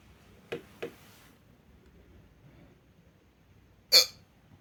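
Three short, sharp hiccup sounds in quiet room noise, the last one loudest.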